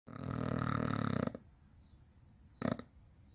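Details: Bulldog snoring: deep, rumbling, fluttering snore lasting over a second, then a short snort; snoring.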